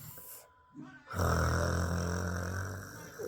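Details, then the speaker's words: Person snoring while asleep (a child tells her mother she snores; the mother denies it, saying she is asleep): a single low rattling snore on the in-breath after a short quiet pause. "Tú estás roncando, yo no."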